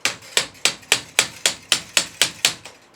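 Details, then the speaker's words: Sharp, evenly spaced dry surgical mallet taps, about three per second, on a cannulated impactor fitted to the insertion instrument, driving an intramedullary ankle arthrodesis (fusion) nail once resistance is met during manual insertion. "cuando ya vemos resistencia podemos introducir un impactor que es canulado que se adapta a la al instrumento de inserción y podemos darle unos martillos martillazos o golpes"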